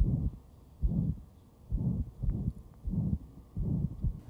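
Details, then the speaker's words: 38-year-old man with ventricular septal defect and pulmonary stenosis, palpable thrill: auscultation at the left sternal edge reveals a very loud, harsh, low-pitched pansystolic murmur filling each heartbeat from the VSD. "a very loud pansystolic murmur here no that's Dillon ledge"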